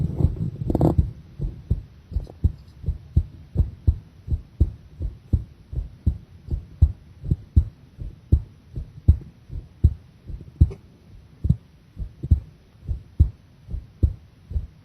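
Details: Heart sounds during a straining breath-hold under pressure: steady thumps near 80 a minute that gradually space out, the heartbeat slowing.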